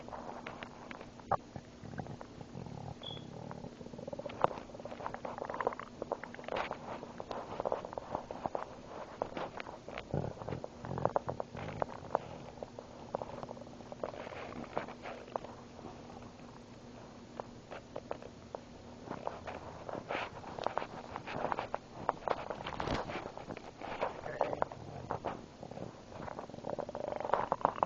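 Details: Irregular gurgles, pops and bubbling squelches from the belly after swallowing air and water, recorded by friends; ordinary stomach rumbling, borborygmi.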